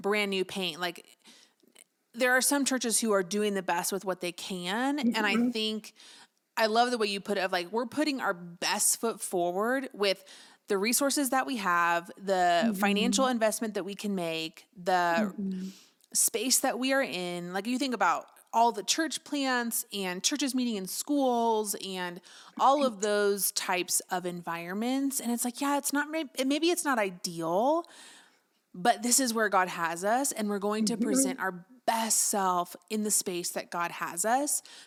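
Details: Adult woman speaking; typical voice.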